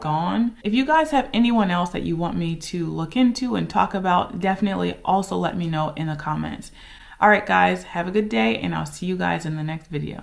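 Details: Adult woman speaking; normal speech.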